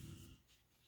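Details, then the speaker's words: A pet beagle dozing under its owner's chair, one of two beagles snoring in turn: a single low, rumbling snore that fades within a second. Dog snoring. "if you hear snoring i think i say this in like all of my videos but for those of you who are new here i have two beagles and they are both snoozing right now and snoring"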